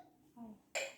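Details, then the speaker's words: A brief exhalation then one sharp, forceful voluntary cough from an adult woman being coached in deep breathing and effective cough (breath in, hold, cough hard twice) during a nursing skills demonstration. "Tarik nafas tahan keluarkan Hai periksakan Ibu coba sebanyak tiga kali atau empat kali nanti batukan ya yang kencang dua kali"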